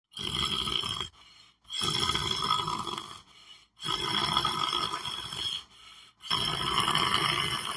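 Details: Person lying on the floor asleep: loud, rough rattling snores on each breath in, about four in eight seconds, with brief quieter breaths out between; snoring.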